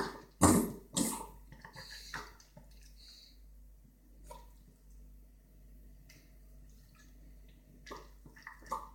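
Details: A dog named Rocky gives two loud, harsh cough bursts, then fainter hacks; owner suspects kennel cough.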